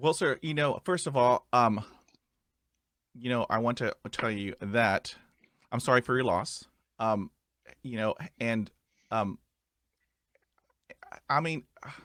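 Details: Adult male who stutters; stuttering.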